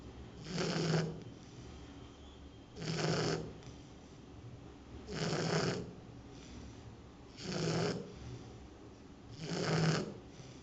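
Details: Shar Pei dog sleeping loudly for the first time at her new forever home: five regular, loud, rasping snoring breaths about every two seconds, roughly 27 a minute; snoring.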